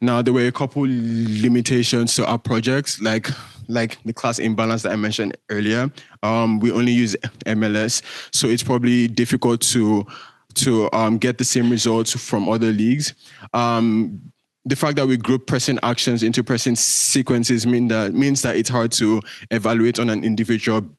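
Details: Male speaker with a self-reported stutter that shows as repetitions, prolongations or blocks. Stuttering.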